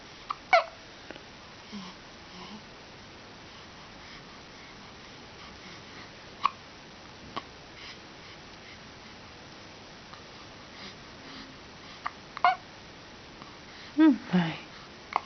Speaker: Do you have the hiccups? Uh-oh. Yeah. Too many hiccups.